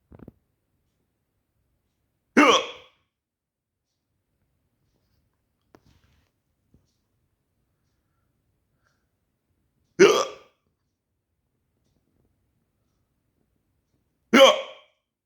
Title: why i have the hiccups so bad ? xD